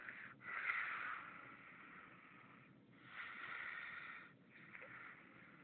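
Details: A man snoring while asleep in a hotel room: slow noisy breathing with rough, rattling airflow in two long breaths, about 20 per minute.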